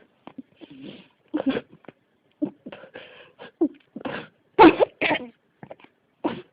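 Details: An adult coughs in repeated short, harsh bursts, roughly a dozen in close succession with brief pauses: a persistent coughing fit that won't stop.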